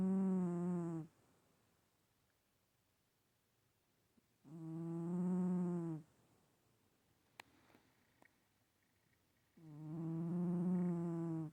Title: Stache cat snoring...again